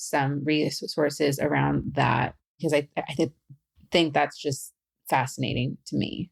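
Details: Adult woman who stutters, speaking as a facilitator and podcast host; stuttering.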